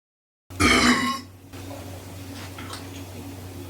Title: Wattery burps